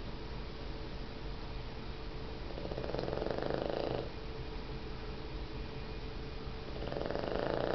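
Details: Puggle puppy (dog) snoring while sleeping nuzzled into owner's pillow: steady low snuffling with louder raspy snores on inhalation over a constant background hum.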